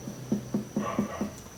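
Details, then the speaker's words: Abdominal percussion of the four quadrants in a 26-year-old man: quick run of evenly spaced, hollow, drum-like taps over a faint hum; tympanic throughout, within normal limits. "timpani timpani timpani dari pemeriksaan perkusi di abdomen semua timpani berarti dalam batas normal"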